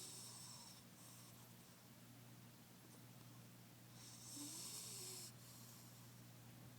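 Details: Cat asleep in her favourite box in the living room, snoring: soft noisy breaths with a louder rough breath near the end.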